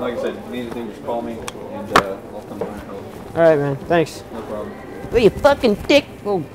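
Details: Adult male store employee, with a second adult male; Typical speech.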